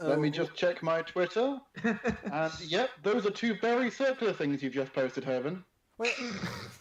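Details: Adult speaker; ordinary speech.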